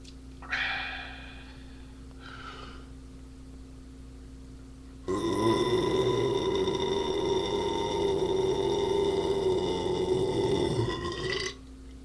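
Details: Person drinking beer and burping a lot: a brief belch, then a long, loud, drawn-out voiced belch of about six seconds; burping.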